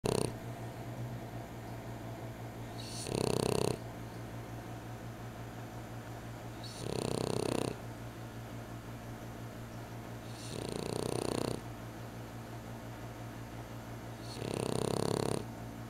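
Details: A sleeper in a deep Saturday-afternoon sleep, snoring with four loud rasping snores at long, uneven intervals, about 16 a minute, over a steady low background hum.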